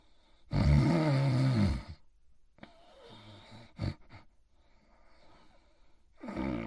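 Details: Sleeping in his bed: a loud, low, rattling snore, softer breathing, then a second snore starting; sleep snoring.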